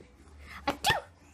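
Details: A dog sneezes in two quick, sharp bursts against quiet room noise; a baby laughs at the sneezes.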